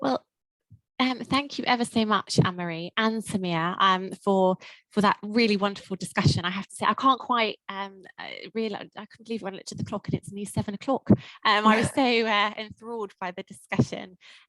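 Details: Adult woman; ordinary speech.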